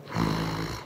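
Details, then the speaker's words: Imitated snoring, a brief soft low rumble heard after a nasal dilator widens the nostrils, demonstrating snoring from nasal obstruction that softens with the dilator. "부드럽게 바뀌죠 요처럼 비강 확장기 정도 써서 해결이 되는 코막힘이 원인 경우라면 그냥 비강 확장기 쓰면 되고요"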